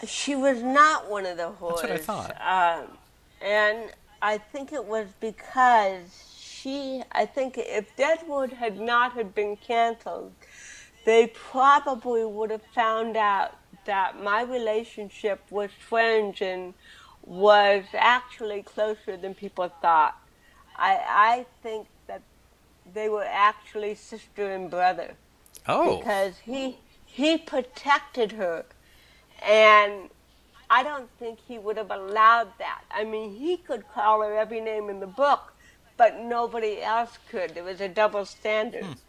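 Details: Adult woman with cerebral palsy from birth, speaking in a real 2013 interview; dysarthria (cerebral palsy).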